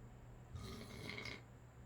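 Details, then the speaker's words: Sleeping adult man (a father) snoring: a single rough, rattling inhaled snore with quiet room noise. "Daddy's snoring, huh?"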